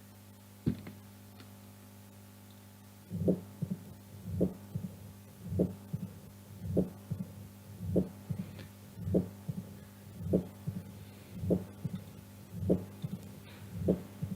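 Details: Mitral stenosis murmur.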